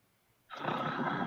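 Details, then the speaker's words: An adult's imitation of snoring: a single brief, rough, rattling snore-like snort after a moment of quiet, followed by joking that someone may have sleep apnea. "that was me oh okay going to say quite a snore yeah maybe she's got sleep apne"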